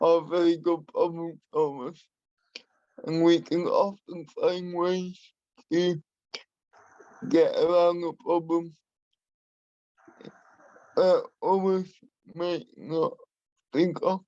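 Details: Adult man with spastic and dyskinetic cerebral palsy who uses a wheelchair; he has a speech impairment he has worked hard to minimise and continues to practise; dysarthria due to cerebral palsy.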